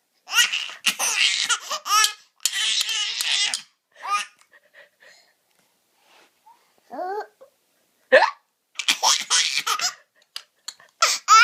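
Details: An infant laughs hysterically in repeated high, breathy bursts at mom's hiccups, heard as a few brief, abrupt adult gulping sounds.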